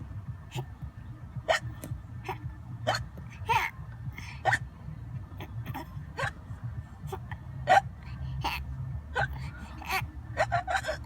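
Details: Infant makes short, sharp hiccup sounds repeating about every second over low room hum: hiccups.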